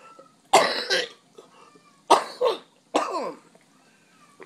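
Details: Hospitalized patient at night: three loud, harsh cough bursts, some double, in a quiet room; productive-sounding adult cough.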